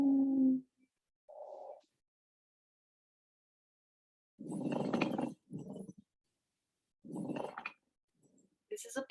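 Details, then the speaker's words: Teaching recording of a pleural friction rub, described as concerning and needing follow-up: rough, grating bursts with each breath, two close together then one more, with a voice starting at the end. "this is super uh concerning we want to follow up if we do hear this sound"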